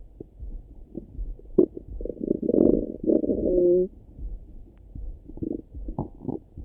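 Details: Morning stomach rumbling heard through a stethoscope: gurgling, bubbling rumbles with a brief squeaky tone, ordinary bowel sounds (borborygmi).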